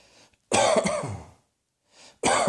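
A harsh, forceful cough with a rough throaty tail, then the start of another cough.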